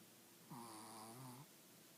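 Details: Sleeping: one long, tonal, rumbling snore lasting about a second, over quiet room noise. Snoring.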